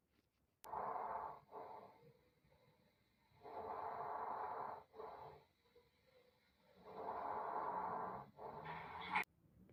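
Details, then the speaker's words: Soft rustling breath sounds with inspiration longer than expiration, heard at a chest auscultation point: normal vesicular breath sounds (murmullo vesicular). "ahora vamos a ver uno de los primeros focos de auscultación pulmonar que es los en primer lugar el murmullo vesicular que pues son encontrados en esta zona"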